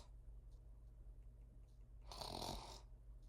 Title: loud snores 2